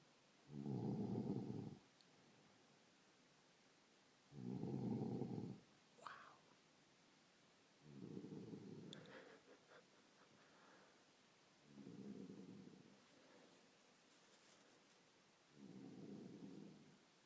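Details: Loud, rumbling, regular snores about every 3.7 seconds, roughly 16 breaths a minute, from a sleeping dog; snoring.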